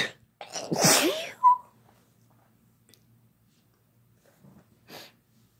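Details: One loud, explosive sneeze with a sharp intake before it, then quiet and a faint breath, recorded while people sneeze together for fun; ordinary sneeze.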